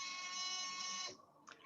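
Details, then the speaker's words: Oxygen concentrator switched on during a teaching demonstration before attaching an oxygen analyzer, amber light still lit: buzzing electronic tone about a second then a faint chirp; oxygen concentrator start-up alarm. "now i'm just going to show you how to use an oxygen analyzer it's very very easy and i'll show i'll just turn my concentrator on again"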